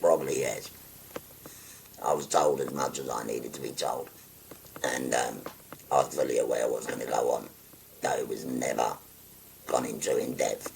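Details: 57-year-old man after total laryngectomy for stage four laryngeal cancer, speaking through a voice prosthesis by pressing a button to occlude the neck stoma; tracheoesophageal speech.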